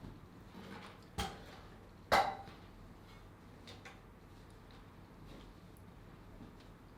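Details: Two short, sudden bursts of air about a second apart, the second louder, in a quiet room: a pair of small sneezes.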